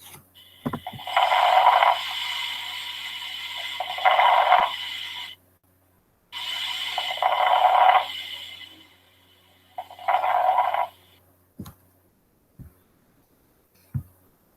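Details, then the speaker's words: Lung auscultation teaching recording: breath sounds with rough, discontinuous, discrete crackling bursts heard mainly during inspiration, as in pneumonia or pulmonary edema; crackles (formerly called rales). "Los crepitantes que anteriormente se llamaban estertores son ruidos que se escuchan más que todo durante la inspiración y pueden ser discontinuos y discretos. Estos pueden estar presentes en neumonía y en un edema de pulmón, ¿ya?"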